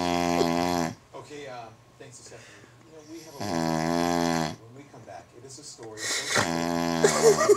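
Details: Person passed out, snoring like a lion: loud, deep, buzzing snores, each about a second long, with quieter rattling breaths between; snoring.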